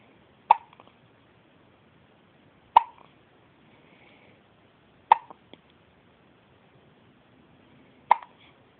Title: Baby girl has hiccups